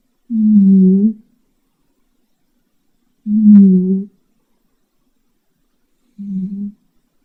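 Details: Cat snoring loudly while asleep: three loud, low, droning snores about three seconds apart, roughly 20 breaths per minute, with quiet gaps between.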